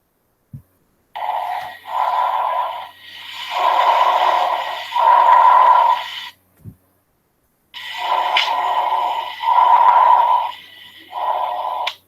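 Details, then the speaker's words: Teaching example of breath sounds auscultated over the main bronchi: moderate-pitched sounds of similar length in and out, about 14 breaths a minute; normal bronchovesicular breath sounds. "Entonces, ¿dónde vamos a auscultar el bronco vesicular? Bueno, a nivel de los bronquios principales, ¿ok? ¿Y cómo se escucha el ruido o sonido broncovesicular?"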